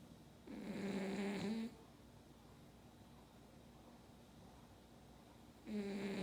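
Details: Snoring: two loud, buzzing snores on the in-breath about five seconds apart, quiet between; ordinary snoring.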